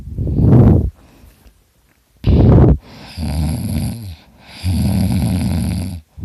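Loud, deep rattling snores on the in-breath with a whistling tone on the out-breath, several cycles in six seconds.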